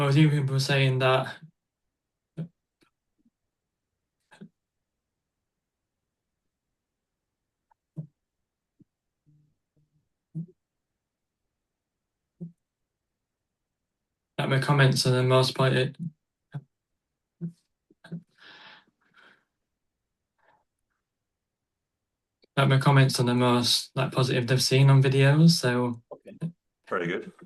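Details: Male stuttering advocate who stutters, speaking in an interview with frequent blocks and long pauses: stuttering.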